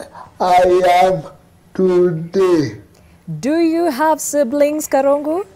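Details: Adult woman speaking; typical speech.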